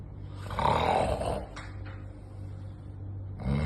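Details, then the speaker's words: Loud, rough, rattling snore on an in-breath, then quieter noisy breathing before the next snore, given as an example of loud, interrupted snoring in obstructive sleep apnea: loud snoring. "Osa ini dapat menyebabkan suara dengkurang keras seperti tadi dan terputus-putus seringkali disertai dengan tersedak atau megap-megap saat tidur"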